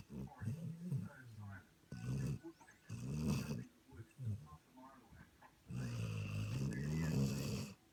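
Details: Nova Scotia Duck Tolling Retriever dog snoring while asleep and dreaming: deep, rumbling snores in repeated bursts, with quieter breaths between them.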